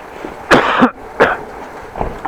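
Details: Two harsh coughs from an adult outdoors on a windy day after leaving a warm office, with wind and outdoor noise in the background; cough.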